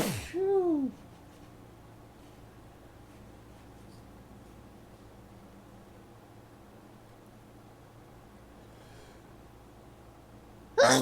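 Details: Big, wet, forceful morning hayfever sneezes in allergy overdrive, caught in about four tissues: one wet sneeze, then a quiet room with faint breathing and another sneeze starting at the end.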